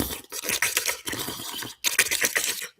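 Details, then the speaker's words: Vocal imitation of dorsal displacement of the soft palate in a horse: a rapid, wet fluttering breath noise, likened to a plastic bag flapping in the wind. The lax palate slips over the epiglottis and interrupts airflow. "así como eh ese sonido de que el viento está moviendo algo. Así suena un desplazamiento dorsal del palabro blando, porque el palabra está tan laxo y que se pasa sobre la epiglotis que interrumpe el paso del aire y el aire lo mueve para adentro y para afuera."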